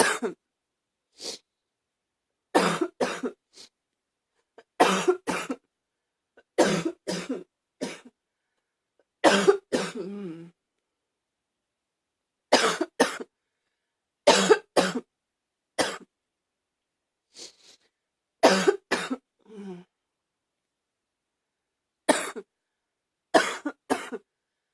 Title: # 62 a lil barky cough